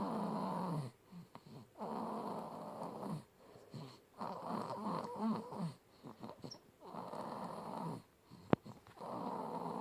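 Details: Sleeping baby girl, one of twins, snoring loudly like her father: rough rattling noise with each breath at about 25 breaths a minute; snoring.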